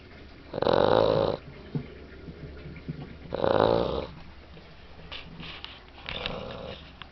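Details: Loud, rattling snores on each breath, about three in seven seconds, with quieter snuffling between them; snoring.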